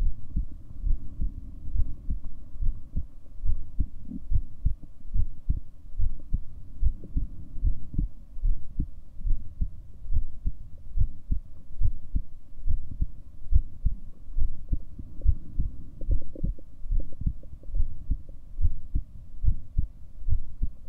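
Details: Regular low thumping heartbeat at about 71 beats a minute with a steady background hum; a self-recorded heartbeat.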